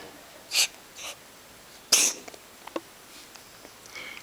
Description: My cat Penny sits on the bed and suddenly begins to sneeze